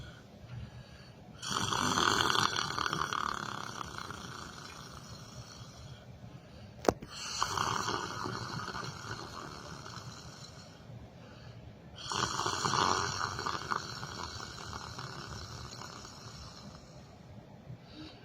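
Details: Person snoring while sleeping sitting in a chair: three loud, rattling snores on inhalation, about one every five seconds, roughly 12 breaths a minute, with a brief click between.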